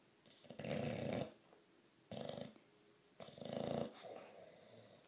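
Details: Bulldog snoring: three loud, harsh, rattling snoring breaths, each under a second, with brief quiet gaps between them.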